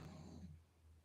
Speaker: And can you hear my dog snoring?